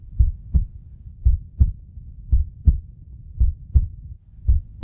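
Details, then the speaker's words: Normal heartbeat, heart contracting and relaxing in turn to pump blood through vessels: regular paired lub-dub sounds, about 56 beats a minute. "त्यासाठी हृदयाचे सतत एका पाठोपाठ आकुंचन आणि प्रसरण होत राहतं"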